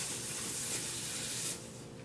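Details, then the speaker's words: Respiratory therapist's nasal cannula demonstration: a Thorpe tube oxygen flow meter is turned clockwise onto the wall oxygen outlet, making a steady loud hiss of gas flow that drops near the end, the expected whistle as it seats. "Also make sure that you hear a whistling sound as you put it on, and you see the ball come up and down."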